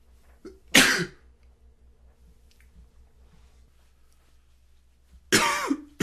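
Two loud, sharp coughs several seconds apart over a steady low hum; isolated coughing.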